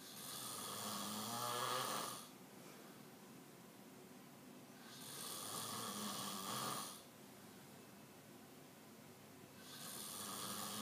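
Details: Sleeper snoring at bedtime: slow, rasping breaths about every five seconds, roughly thirteen a minute, with quiet pauses between.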